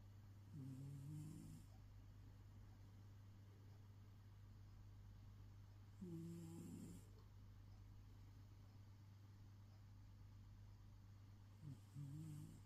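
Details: Sleeping ginger pet cat snoring; three low rumbling snores, roughly one every five to six seconds, over steady background hum: snoring.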